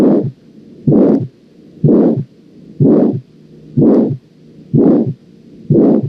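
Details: Aortic valve stenosis on auscultation: loud, harsh, rising-then-falling (crescendo-decrescendo) murmur with each beat at about 62 beats a minute.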